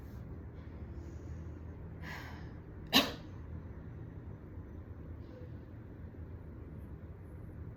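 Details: Woman coughing at home after smoking a cigarette at a party: a quick breath in, then one sharp, explosive isolated cough against quiet room noise.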